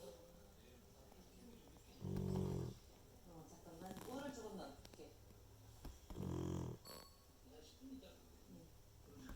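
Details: Sleeping Jindo dog wearing a cone, wrapped, with a treated ear: two loud, low, buzzing snores about four seconds apart, with soft talk and room noise between.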